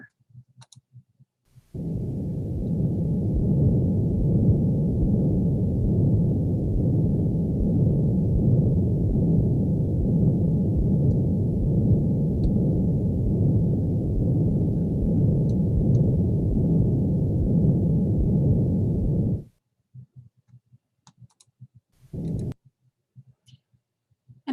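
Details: Teaching-quiz heart sound played at an adult heart rate: a loud, steady, low rumbling roar running unbroken through systole and diastole for about 18 seconds; a continuous machinery-like murmur of patent ductus arteriosus.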